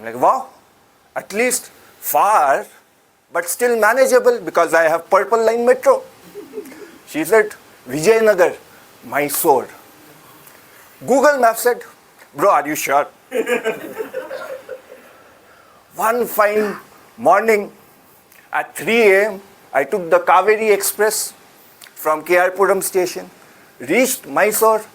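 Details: Adult speaker; ordinary speech.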